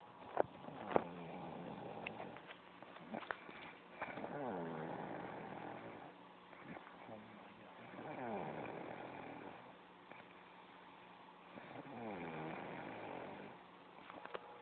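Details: A girlfriend snoring in her sleep: three long, buzzing snores about every four seconds, with quiet gaps between.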